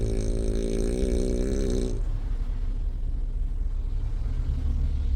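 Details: A Frenchton dog (French bulldog × Boston terrier) snoring with its eyes open: a deep, rumbling, throaty snore lasting about two seconds, then a low steady background rumble; dog snoring.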